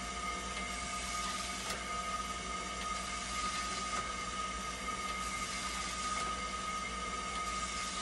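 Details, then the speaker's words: Quiet steady machine hum with a faint high tone and soft clicks: a hemodialysis machine running a test after a part was replaced to fix a flow error, with temperature and conductivity stabilizing. "Hintayin natin yung temperature para malaman natin kung may flower c yan nag stable na siya testin naman natin para malaman natin kung magp flow error pa rin"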